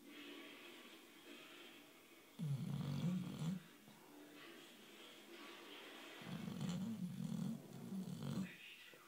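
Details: 9-year-old Boxer dog snoring while asleep, owner thinks dreaming: two long, low, rattling snores on breathing in, with quiet breathing between and faint room noise.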